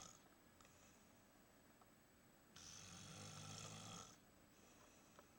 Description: Big Bear in a cave snoring